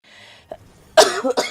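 Two quick, loud coughs, the first partly voiced, after a brief quiet moment with faint room hiss.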